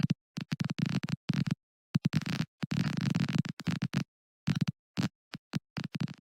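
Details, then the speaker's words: Recorded firing of cerebellar nerve cells in dystonia, a disorder of abnormal muscle over-contraction and twisting: bursts of crackling pops and clicks separated by silent gaps, showing an altered firing pattern. "what the signals sound like in a disorder called dystonia, which involves muscles contracting and twisting abnormally."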